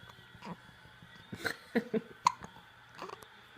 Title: Thanksgiving weekend hiccups